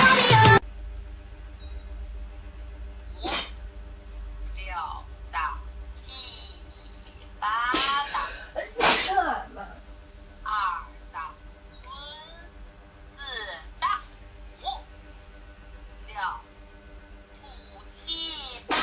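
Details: Young Chinese woman with allergy: repeated wet sneezes with sniffing and short vocal sounds between them, over soft background music; allergic sneezing.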